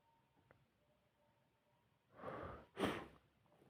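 A quiet room, then a sharp inward breath and one explosive sneeze.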